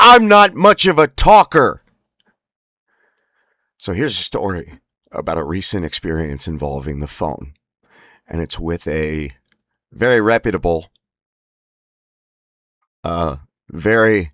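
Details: Spasmodic dysphonia (laryngeal dystonia) in an adult.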